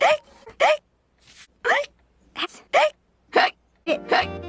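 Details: Repeated short voiced 'hic' bursts about a second apart, six or seven in a row, with faint music behind; repeated hiccups.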